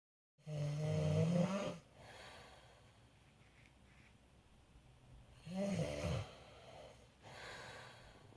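Two deep, buzzing snores on breaths in, with quiet breathing between them over faint room noise: typical snoring.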